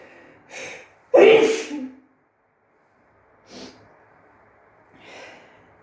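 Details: Female sneezing fit in a bathroom: a sharp in-breath, one loud explosive sneeze, then quieter breaths and a softer second sneeze-like burst.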